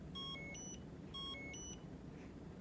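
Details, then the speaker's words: Locator chime from the "find" function of a Philips Avalon cordless wireless fetal monitor's telemetry transducer: two short rising chime patterns. It signals the labouring patient to return to the room when contractions are no longer being picked up. "ask them to come back to the room when we when they hear that little chime"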